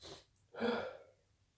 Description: More induced sneezes with false starts and nose blowing at the end